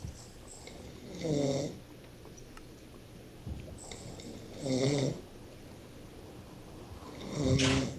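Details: Sleeping man snoring: three loud, rattling snores about 3.5 seconds apart, roughly 22 breaths a minute, with quiet breathing between them.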